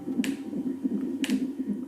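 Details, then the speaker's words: Fetal heartbeat on Doppler at 8 months' pregnancy, during a midwife home visit: fast, regular whooshing pulses at about 151 bpm; the low probe position suggests a head-down baby; normal. "c'est le coeur du bébé donc sur le graphique là on voit ses pulsations ses 151 bêtement"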